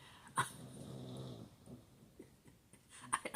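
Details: The owner's "little guy" snores briefly while asleep nearby, then stops.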